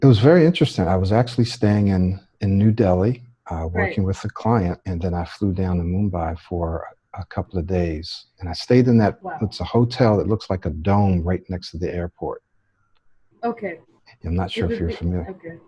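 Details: Adult man speaking; typical speech.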